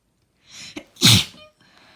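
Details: One sharp, wet, explosive messy sneeze after a brief indrawn breath, occurring after about three hours of crying.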